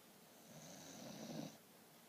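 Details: Snoring: one soft, rough snore on a single breath, about a second long, in a quiet room.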